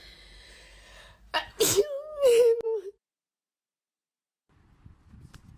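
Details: Sneezing during a Covid-19 nasal swab test: a sharp inward catch of breath, then one explosive sneeze with a brief voiced trailing sound, followed by quiet.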